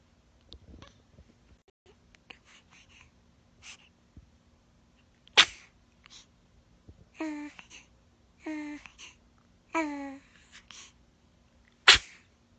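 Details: A newborn baby gives two sharp little sneezes, with brief high-pitched fussing sounds between them.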